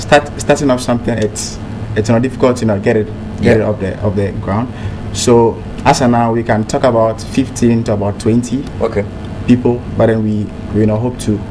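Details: Adult man who stammers, president of a national stammerers association, says stammering no longer holds him back: stuttering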